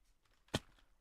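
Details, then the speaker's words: Dog sneezing, heard in the background of a gaming recording. "okay can you hear my dog like sneezing"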